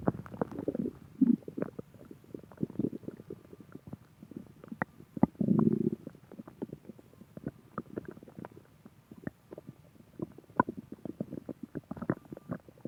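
Irregular gurgling, bubbling rumbles with a few longer growls, typical of stomach growling from gas and fluid moving through the gut.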